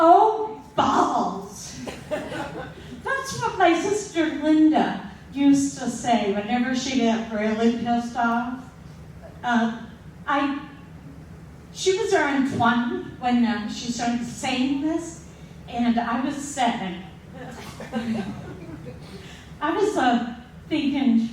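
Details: Adult female storyteller with a self-described speech impediment, slow, slurred-sounding speech, not drunk; speech impediment.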